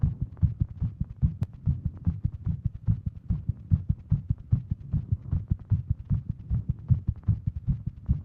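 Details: Female with Wolff-Parkinson-White syndrome, sitting at desk; Apple Watch read heart rate over 150; fast, low, steady thudding heartbeat roughly 150/min; tachycardia.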